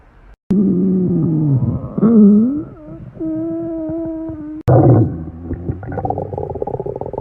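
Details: Loud, long gurgling stomach growls with rising and steady tones, then bubbling rumbles; ordinary stomach growling (borborygmi) from gas and fluid moving through the gut.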